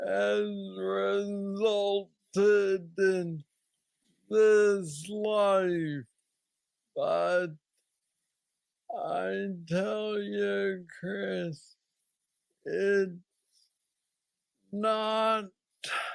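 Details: Hypokinetic dysarthria in a man with Parkinson's disease diagnosed at age 35, about nine years earlier, described as the most aggressive form, with mobility struggles; treated with a brain stimulator implant.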